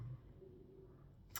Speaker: my stomach. Do you hear that? It was like raw. I've been eating, I swear.